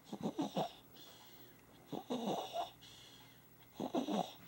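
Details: Baby snoring, three noisy rattling breaths with whistly, congested sounds on each cycle, about 30 a minute.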